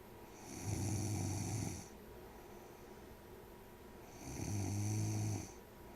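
Two loud, low, rattling snores about four seconds apart, each lasting over a second, with quiet breathing between.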